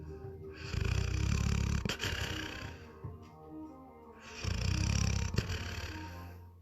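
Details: Springer Spaniel dog in a comfortable deep sleep snoring loudly: two loud, rumbling snores about four seconds apart with quieter breathing between them.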